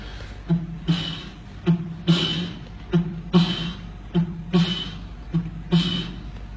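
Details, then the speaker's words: Vocal imitation of a double aortic lesion, aortic stenosis with aortic regurgitation: a harsh systolic ejection whoosh plus a soft early diastolic blowing murmur, a to-and-fro murmur. "دبل اورتيك لو اورتيك ريجيرش وسفانكشنال ستينوزس بالمونري هايبرتنشن."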